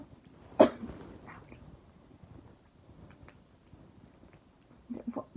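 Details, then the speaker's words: Persistent cough that won't go away, with chest pain, burning and pain on breathing and poor appetite; urgent care visit planned. One sharp cough in a quiet room, then faint movement sounds. "I'm just gonna stay home because of this stupid cough that just won't go away."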